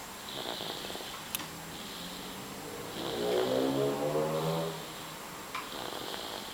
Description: Loud snore, little baby